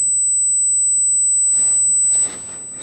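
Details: Simulated tinnitus, as experienced by an author after ibuprofen use and heavy headphone use: a steady, very high-pitched pure ring runs throughout, heard only by the sufferer.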